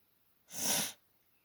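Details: One sharp, hissing sneeze lasting about half a second, then quiet; part of an allergic sneezing fit with nose blowing.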